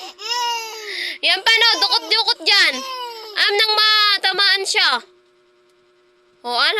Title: Crying baby